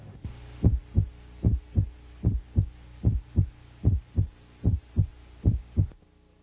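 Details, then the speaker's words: Teaching recording of split S1, heard over the tricuspid area: regular heartbeat near 75 a minute with the first heart sound split into two close components; can be normal. "usually a single sound is heard for S1 and S2 events of the cardiac cycle occur on on the right side slightly later than on the left side which sometimes produces a second component of either S1 or S2 this is called splitting split S1 is usually heard over the tricuspid"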